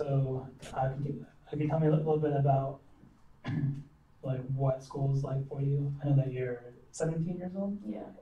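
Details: Adult male speaker; normal speech.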